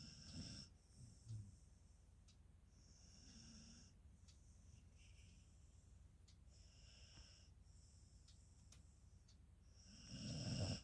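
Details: Beagle sleeping, loud low rattling snores at start and end with quieter breathing and faint high whistles between; snoring.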